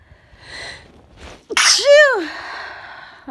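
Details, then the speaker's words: Person home sick and very sneezy with a tickly nose: a quick wind-up breath, then one loud explosive sneeze with a voiced rising-falling cry and breathy release; sneezing. "I'm gonna sneeze. I'm gonna sneeze. Achoo! Achoo! Oh, it's still really, really tickly."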